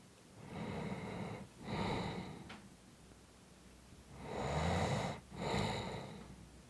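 Loud rattling, snorting breaths in and out during sleep; snoring.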